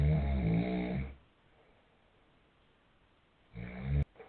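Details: Father's snoring: a loud, low rattling snore on breathing in, followed by a quiet pause and the start of another snore.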